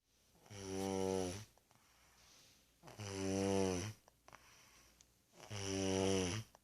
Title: Sleeping, Snoring @ 27 months